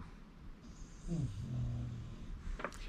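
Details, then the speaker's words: Loud snoring from a sleeping bulldog, heard in the background of a room. "he's really snoring loud can you guys hear that"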